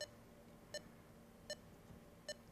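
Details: Regular short electronic beeps, about 78 a minute, from a pulse oximeter monitoring oxygen saturation and heart rate of a child on Diamedica Baby bubble CPAP, over quiet room noise.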